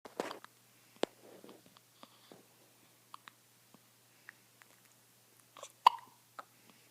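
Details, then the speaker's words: Newborn baby boy, 8 days old, with hiccups: several brief, sharp catching sounds at irregular intervals in a quiet room. "people are gonna think you always have hiccups."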